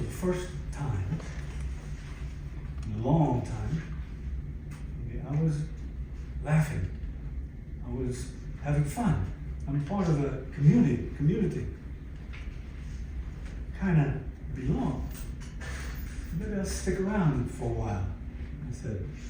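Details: Aphasia affecting language, speech and understanding in a 62-year-old man, acquired after a stroke following cardiac ablation in December 2011.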